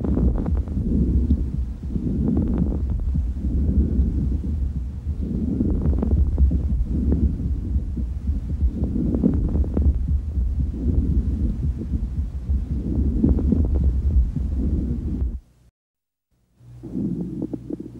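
Fine crackles through the stethoscope: brief, soft popping clicks heard over repeated breaths in the small airways.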